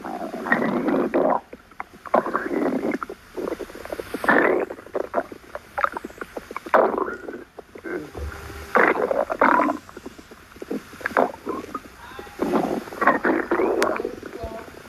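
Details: Stomach growling (borborygmi): gurgling, bubbling rumbles in bursts with quiet gaps.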